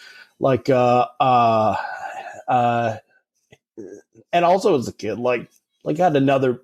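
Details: Adult man who has stuttered since about age 5 or 6 and had speech therapy from age 5 to 18, heard in conversation; stuttering.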